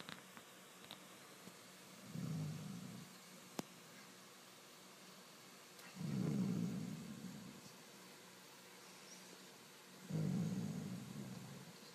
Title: My sister snores